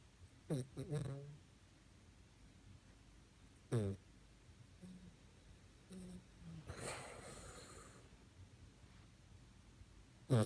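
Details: A sleeping dog resting quietly gives a few short, throaty snorts and snuffles between quiet pauses; snorting.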